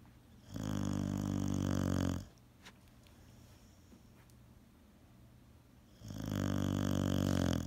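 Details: Boxer dog asleep, snoring: two long, loud, rumbling snores about four seconds apart with quiet breathing between; ordinary snoring.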